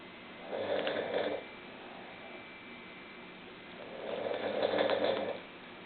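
Two rough, rattling snores on the breath in, separated by a quiet pause; ordinary snoring from a sleeper.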